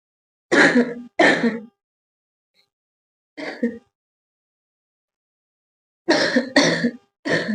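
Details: Voluntary cough and throat clearing by a girl doing a coughing challenge: six deliberate short coughs and throat clears in three bursts separated by silence; acted coughing.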